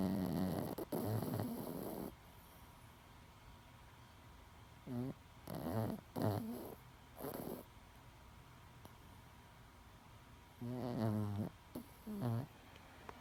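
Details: Small 10-pound Chihuahua: loud, rattling snores with a fluttering buzz, irregularly spaced with short snorts, over faint room hum, described as louder than some humans; snoring.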